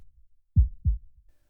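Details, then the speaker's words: Normal heartbeat played as a mystery sound in a children's show: two deep, low thumps close together, a lub-dub pair, with a faint low rumble around it. "If you put your hand on your heart, you might be able to feel it even though you can't hear it. That is the sound of a heart beating."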